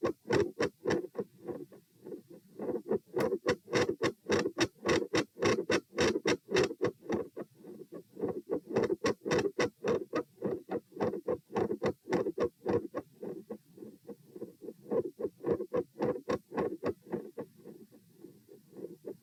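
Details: Phasic S1 and S2 intensity changes with split S2, recorded at position P while sitting, standing, then sitting (96-108-96 bpm): regular heart sounds near 100 a minute whose loudness waxes and wanes.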